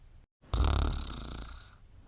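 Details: Mom sleeping soundly: one loud, rough, rumbling snore on a drawn breath, about a second long, in a quiet room; snoring.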